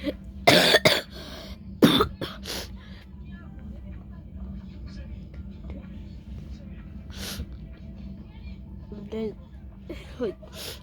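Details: Person who just woke with a troubled nose, eyes watering, trying to sneeze but unable to: a few harsh coughing and throat-clearing bursts, then a quiet stretch with a low background hum; plain cough.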